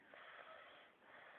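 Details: A young boy asleep on a hardwood dining-room floor after a car nap makes one sustained, rough, noisy breath over a second long, with faint room background: snoring.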